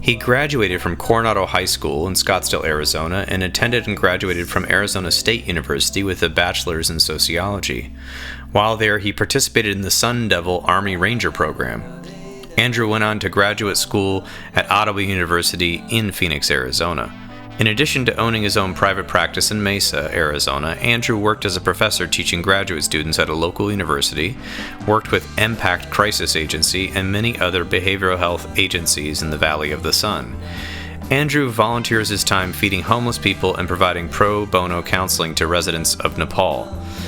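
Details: Adult male speaker; normal speech.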